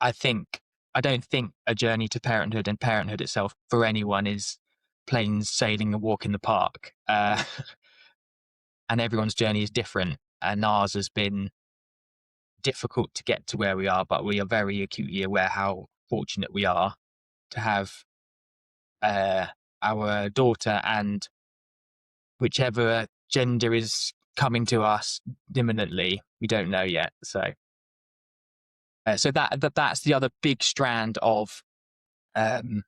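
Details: Adult man with a lifelong speech stammer, showing as blocks and repetitions, which he describes as not too severe; stuttering.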